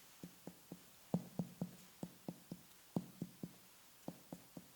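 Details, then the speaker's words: Abdominal examination, finger percussion: series of short, soft, flat taps giving a dull note, as over solid organs, fluid or tumors, in contrast to tympanic air-filled bowel. "Solid organs, fluids or tumors lead to dull sounds that may sound similar to percussion"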